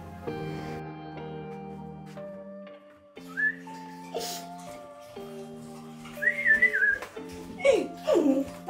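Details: 14-year-old girl with Tourette syndrome whose tics began about 16 months earlier, almost overnight; whistling is a persistent vocal tic that has never gone away; vocal tic (whistling) in Tourette syndrome.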